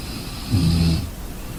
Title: Combination ocean sounds and snoring